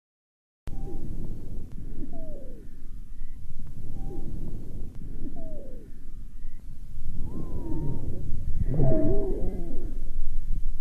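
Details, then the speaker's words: High-pitched (treble) dry wheezes on lung auscultation with a stethoscope: repeated short, high whistling wheezes across several breath cycles, typical of narrowed small airways. "давайте послушаем как звучат дискант о вы и хрипы"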